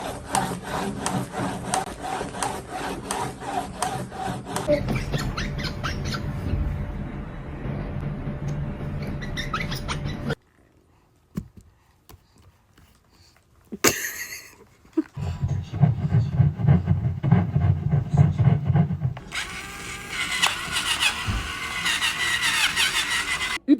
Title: Baby teeth grinding.#baby #teethgrinding #funny #fyp #cute